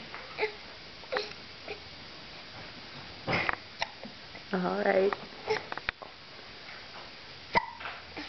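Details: An infant who had been giggling now hiccups: short, sharp catches of breath every one to two seconds, mixed with a brief babbling coo.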